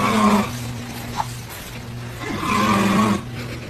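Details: A dad snoring while a baby reacts: two loud, buzzing, voiced snores a few seconds apart, with quieter breathing between them; snoring.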